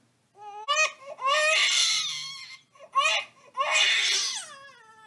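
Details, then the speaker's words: Recorded infant crying played to demonstrate phone sound recognition: rising, wailing bursts with brief catch breaths between them. "So like you can see here, when the phone hears the baby crying sound, it will send you this notification."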